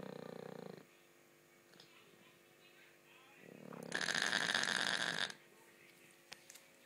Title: Ronnie the snoring dog